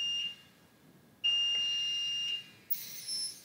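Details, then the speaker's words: Vela ventilator medium-priority alarm: steady high-pitched audible tones that sound and pause in a slow cycle, with yellow status bar. "for a medium priority alarm the status bar is yellow and the icon and audible tones cycle slowly"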